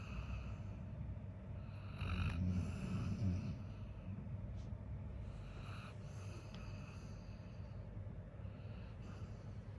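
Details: Labrador dog, tired after playing all day, snoring loudly in sleep: low, rumbling breathing noise with soft snorts over steady background hum.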